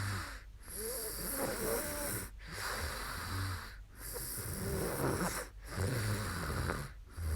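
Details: A young woman snoring after falling asleep during a live stream: rough, rattling snores on each breath, about 18 a minute, with quiet gaps and steady room noise.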